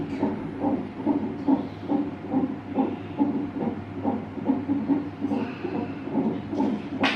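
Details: Fast, regular whooshing beats about 140 a minute through a monitor speaker at 39 weeks of pregnancy, baby moving; normal fetal heartbeat.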